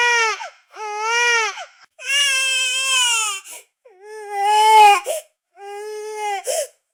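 An infant cries in five loud, wailing bursts separated by brief breaths, an upset tantrum cry.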